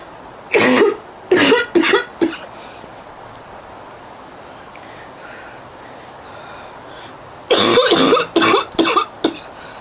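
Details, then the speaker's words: Coughing fit in a girl outdoors who cannot catch her breath, after blowing her nose: two bouts of about four harsh coughs each, separated by a quiet pause. "Oh my god, everyone. Okay. I didn't catch my breath. I'm never going to catch my breath."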